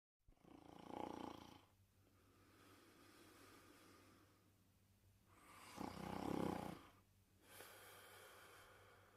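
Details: Loud, rough rattling inhalations with softer breaths between, about 12 breaths a minute, from a sleeping pet: snoring.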